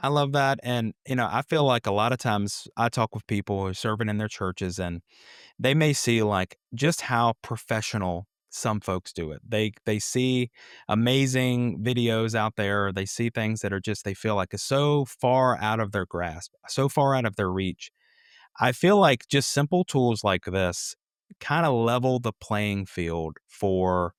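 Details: Adult male speaker; normal speech.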